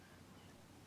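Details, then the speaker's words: Young boy with a tight chest and a history of asthma, standing and breathing out through his mouth: after a quiet moment a brief high musical whistling wheeze is heard. "quite Wheezy there aren't you"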